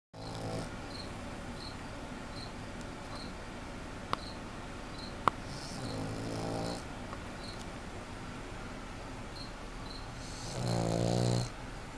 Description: my puggle snoring loud